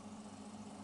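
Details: Steady low motor hum with a continuous drone after the compressor's on button is pressed during ventilator training: a ventilator's air compressor running normally.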